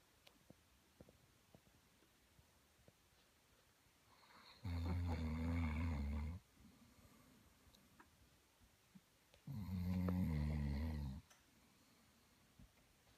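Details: Rhodesian ridgeback snoring during a nap: two loud, deep, rattling snores about five seconds apart, each nearly two seconds long, with quiet pauses between.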